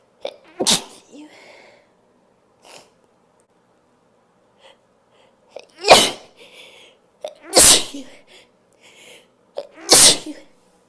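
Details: Four loud, open, explosive unstifled sneezes, each preceded by a sharp inward breath, with quiet breathing between.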